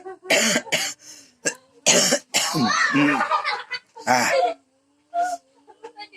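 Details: Adult man (father) with repeated harsh dry coughs in close bursts while his children laugh in the background; dry cough.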